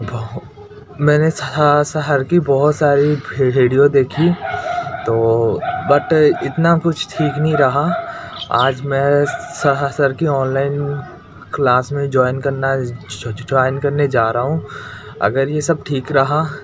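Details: Adult male with stuttering since childhood, recorded before starting speech therapy; he speaks haltingly with frequent stops.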